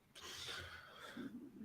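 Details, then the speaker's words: A drawn-out, squeaky gurgling rumble from a show host's empty stomach; he is hungry after missing dinner the night before. An ordinary hunger growl (borborygmi). "Whoa, did you hear that? Was that your stomach? That was my stomach growling, yeah. Hungry? Yeah, missed out on dinner last night."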